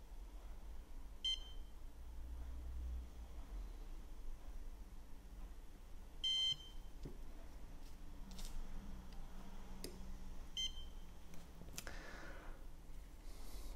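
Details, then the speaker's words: Woodpecker iLED dental curing light beeping every five seconds during composite polymerization (3M Filtek Z250) in a bathymeter depth test: short electronic beeps over quiet room noise, marking the timed cycle. "the lamp beeps from five every five seconds so we can make an estimation when the polymerization will end"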